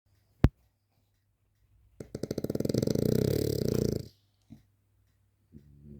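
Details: French bulldog asleep: a single long rattling snore lasting about two seconds, with brief snorts before and after; noisy breathing during sleep, snoring.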